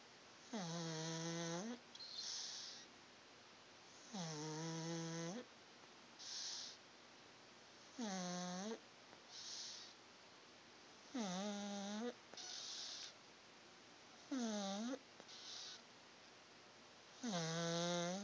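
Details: Sleeping Pug snoring while twitching and dreaming: loud, rhythmic snores with a whistling, wheezy tone on each inhalation and softer puffs out, about 19 breaths a minute.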